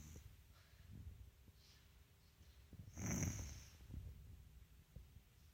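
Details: Dog: low, rough snoring breath with a snort-like burst over quiet room noise; snoring.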